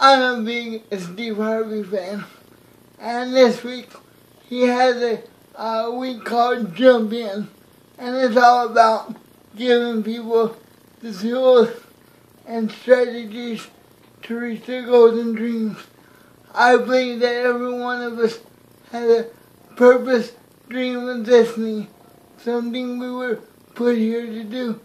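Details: Man with cerebral palsy; garbled words; dysarthria.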